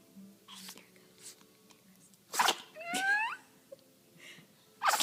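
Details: Snickers, a dog, has a sneezing attack: sharp, sudden sneezes with a whine between them and soft talk nearby; she shakes afterward; sneezing.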